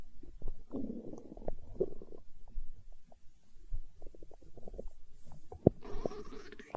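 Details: Hunger stomach growling recorded for ASMR: low gurgling, bubbling rumbles coming and going over several seconds as gas and fluid move through the gut (borborygmi).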